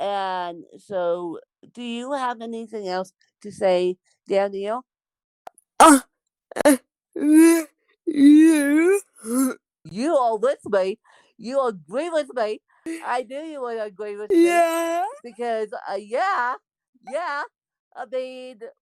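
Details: Dysarthric speech in an adult woman born with cerebral palsy (lifelong, congenital).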